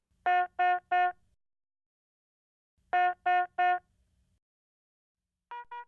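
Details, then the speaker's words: Yellow medium-priority alarm tone on a HeartStart MRx monitor/defibrillator, signalling a non-life-threatening condition such as heart rate crossing high or low limits: two bursts of three steady electronic beeps. "a yellow alarm indicates a non life-threatening condition such as when the heart rate measurement violates the high or low limits the cause of the alarm displays with a yellow background and sounds like this"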